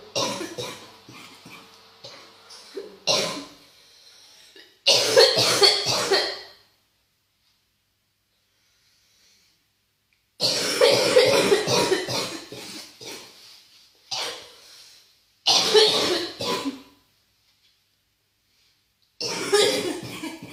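Repeated bursts of harsh, rough adult coughing in bouts, with a bronchitis cough.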